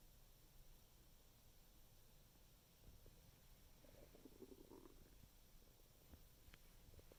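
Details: Low gurgling stomach rumbles with a brief bubbling burst midway, recorded while eating carbs in the afternoon; borborygmi.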